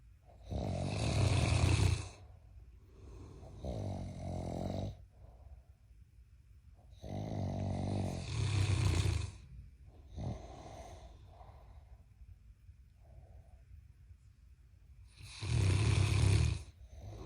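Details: Giant Mastiff puppy snoring very loudly while asleep: deep, rattling snores in long bursts, about three in 17 seconds, with softer breaths between; ordinary heavy snoring.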